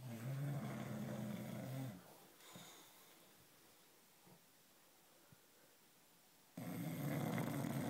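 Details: British bulldog(s) sleeping, first night home with a new puppy: a low, rapid fluttering snore at the start and again at the end, with a quiet stretch between; snoring.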